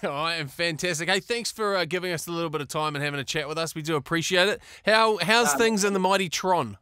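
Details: Adult speaker; normal conversational speech.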